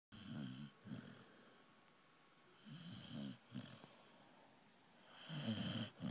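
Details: Uneven, rasping snores in short bursts, some breaths split in two, with quiet gaps between; a loved one sleeping and snoring.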